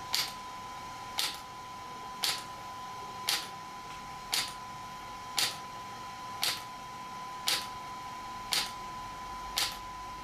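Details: Shock wave therapy (ESWT) device used for muscle and bone pain relief on a person: sharp, even clicks about once a second over a steady faint tone as the handpiece delivers pulses.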